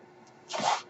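After a quiet hiss, a single soft airy whoosh rises and fades: one breath cycle of a mechanical ventilator.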